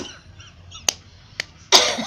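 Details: Cough while reciting and teaching Quran reading (Surah Al-Falaq), the grandchild laughing: brief sung recitation broken by two sharp cough bursts, then a louder harsh cough.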